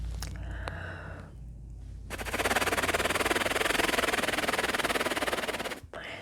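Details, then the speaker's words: Chest physical therapy demonstration by a healthy person blowing through a handheld metal-ball flutter device used to clear mucus: a fast buzzing rattle of about four pulses a second, sending oscillation into the lungs. "Just kind of rattles and send this oscillation into your lungs, kind of doing the same or similar thing that the cupping does."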